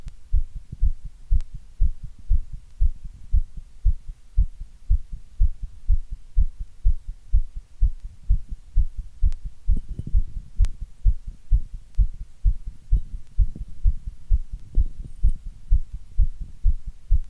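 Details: Steady, regular low thumping of a heartbeat with a faint background hum: heartbeat.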